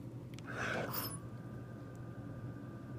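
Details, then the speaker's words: Hamilton ventilator in assist control mode, started after circuit tests: quiet hum, brief airy whoosh and faint tone as the first breath, always pressure-controlled, is delivered. "and the machine's going to deliver uh the first breath is always a pressure controll breath um just to see what kind of pressure it's going to take"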